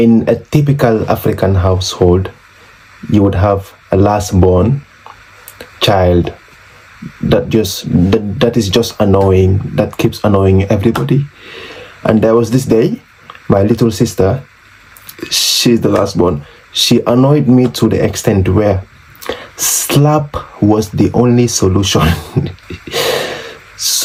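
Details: Adult man from The Gambia who has stammered since age six, very severe through junior and high school, still having trouble with p sounds; stuttering.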